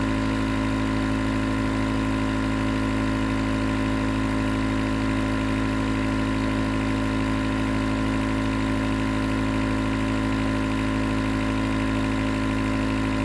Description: Enjoy 20 minutes nebulizer sounds that can help to relax the mind and body, relieve stress and make fall asleep fast.